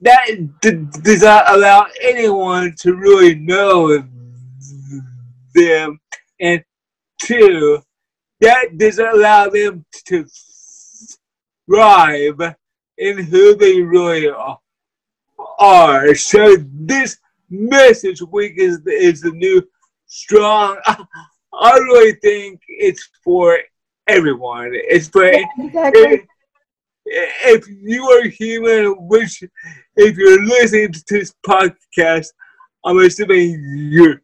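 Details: Dysarthria in a guest with cerebral palsy who uses a wheelchair.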